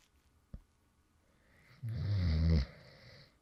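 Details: A person who fell asleep in the middle of recording: after a faint click, one low rattling snore on an in-breath, lasting under a second; light snoring during sleep.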